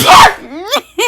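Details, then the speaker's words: Sneeze by a streamer in a live-stream clip, followed by laughing and reaction. "I spent so long trying to find the clip of me sneezing, and I found it."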